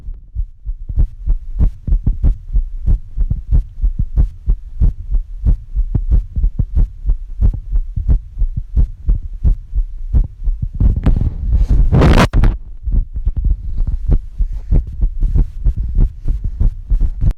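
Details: Adult's own heartbeat recorded on the chest with a phone app, about 94 beats a minute with some uneven spacing and brief rubbing noise; partner reports it doesn't always sound normal, which is unconfirmed.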